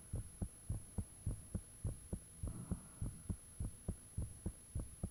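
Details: Self-recorded own heartbeat with fan off, made shortly after the heart began feeling very thumpy; clear, regular two-part beats about 100 a minute over a faint hum; ordinary heartbeat.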